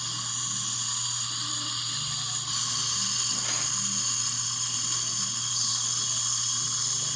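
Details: Continuous shrill whine of a dental handpiece over a low steady hum while top (upper) mini dental implants are placed in a female long-time denture wearer; the patient reportedly feels no discomfort and there is little bleeding.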